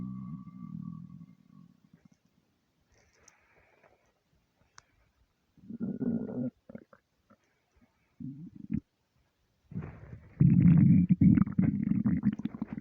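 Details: Stomach rumbling (borborygmi) from an empty stomach: bursts of low gurgling, growling rumbles separated by quiet gaps.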